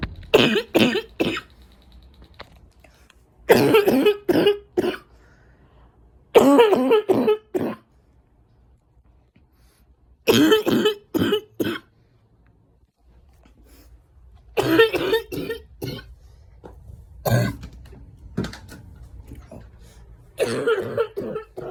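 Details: Adult smoker with winter allergies: repeated deep, harsh barking coughs rattling through the chest, in clustered bursts with quiet pauses between fits.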